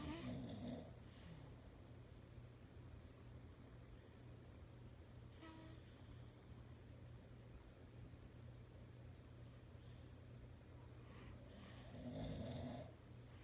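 Two low, rumbling snores about twelve seconds apart over a steady humming background: snoring.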